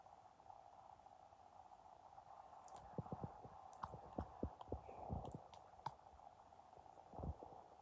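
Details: Empty, hungry stomach with soft low hum and a burst of gurgling pops and bubbling; stomach growling, bowel sounds (borborygmi).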